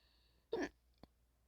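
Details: A single abrupt, voiced hiccup followed by a faint click, from a player who says they have hiccups while playing Minecraft.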